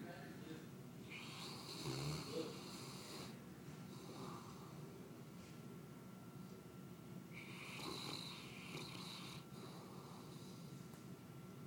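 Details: 190-pound St Bernard dog asleep, snoring very loudly: two long, harsh snores several seconds apart, with faint room hum in the background.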